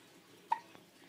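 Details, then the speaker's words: One-week-old baby boy with hiccups after just being fed, content: a single short, sharp hiccup in a quiet room. "we just ate so now we're just hanging out pretty content little baby ex the hiccups get on his nerves yeah drive you crazy won't they they drive you crazy yeah"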